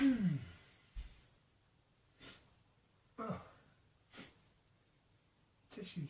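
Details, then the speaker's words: Adult male sneezing after dust from tidying set off his allergies, deliberately captured on camera: a series of about five sharp sneezes with breathy intakes between, quiet room; repeated sneezing, leaving him soaking wet. "soaking wet from the sneezing."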